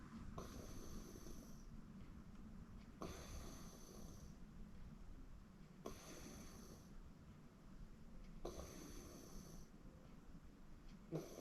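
Steady soft snoring with a breath about every three seconds, heard over room noise; ordinary sleep snoring.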